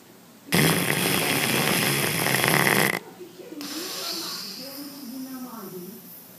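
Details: One long, loud, harsh rattling snore followed by quieter groaning breaths, during sleep in a person who has sleep disturbances.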